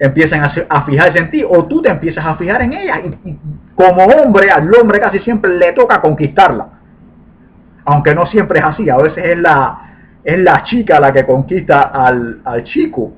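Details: 40-year-old man who has stuttered since birth, which he describes as genetically inherited; stuttering.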